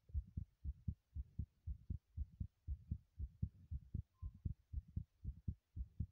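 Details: Fast, regular paired heartbeats at about 118 beats a minute, recorded while running in a bathroom; quickened heartbeat from exertion.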